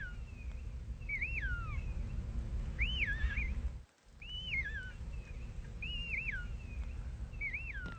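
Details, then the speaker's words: A sleeping edible dormouse, fast asleep in a warm nest, snores in high, whistly squeaks about every second and a half. "i know what it is and i know what it's doing it's an edible dormouse and it's fast asleep and it's snoring listen to this"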